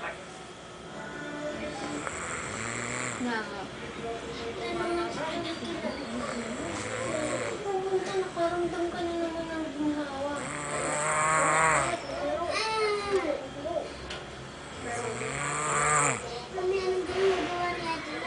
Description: this is best snoring ever seen